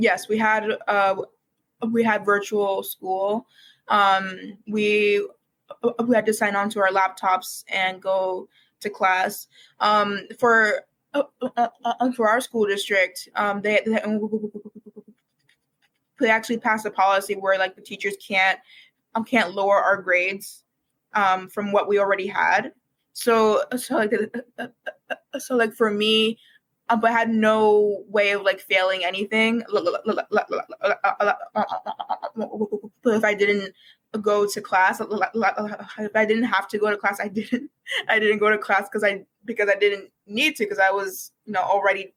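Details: Real speech from a university student who has stuttered for as long as they can remember, began speech therapy in kindergarten, and calls it one of their hardest challenges until recently: stuttering.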